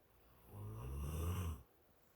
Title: Mr. Snores 3-1-2020